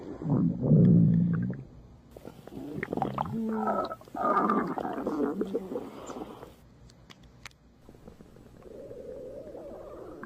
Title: My stomach growling